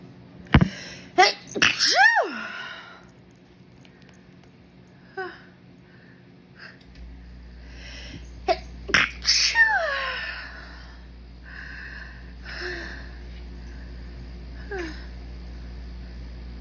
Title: Desperate high pitched sneezing pt. 2